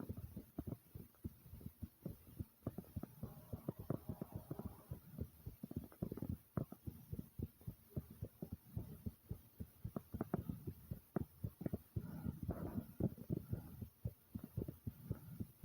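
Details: Heartbeat recording that starts slow and thumpy, then speeds up to fast and loud at about 110 beats a minute, with gurgling stomach noises; fast heartbeat.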